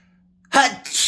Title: piggy sneeze